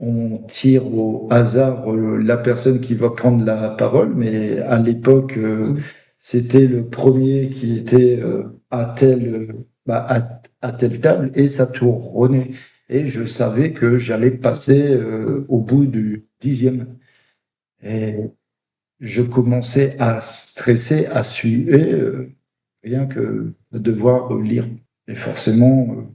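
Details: Adult man who stutters, with blocks. Finding: stuttering.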